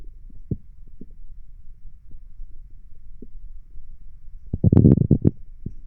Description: As requested, here is me laying down with stomach noises.